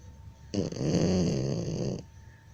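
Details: Single rough, rattling, low vibrating snore lasting about a second and a half in a quiet room; snoring.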